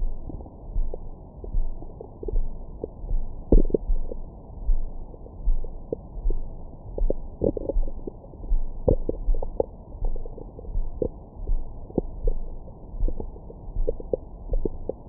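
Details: Bowel sounds recorded with a Stemoscope stethoscope microphone on the belly after a large meal: low gurgles and brief squeaky bursts, active bowel sounds.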